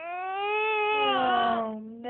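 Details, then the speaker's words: Tired 6-month-old baby girl fussing during tummy time: a single drawn-out, wavering fussy cry that falls in pitch at the end; infant cry. "no baby girl what the matter what's the matter k me oh no you make such sad faces"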